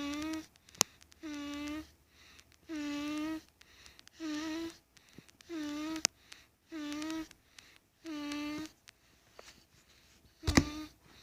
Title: Mini Snores. 11/4/17